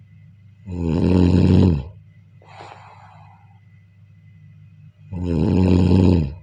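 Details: Two loud, low, rattling snores on the in-breath during sleep, with a soft exhale between them; ordinary snoring.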